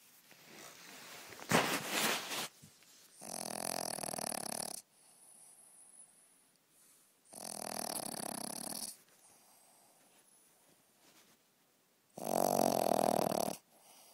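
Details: Dog snoring loudly at night: a rough, buzzing sound on each breath, about four snores in fourteen seconds, softer breaths between.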